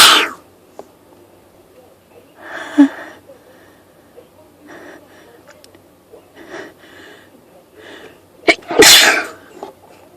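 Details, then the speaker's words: Person sniffly all day with a persistent urge to sneeze, set off by one spritz of perfume: several explosive sneezes in a run with quieter breaths between, the last loudest, part of an 18-sneeze fit; sneezing fit. "I'm sneezing like crazy today. False start. I hate when you think you're gonna sneeze and then you don't. I'm just sneezing."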